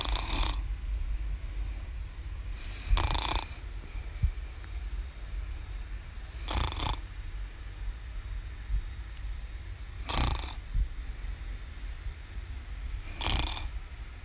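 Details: Young girl who snores every night, recorded asleep: regular noisy snoring breaths, about 20 a minute, over steady low room noise.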